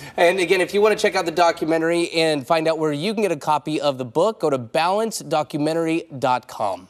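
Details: Adult man speaking; Typical adult speech.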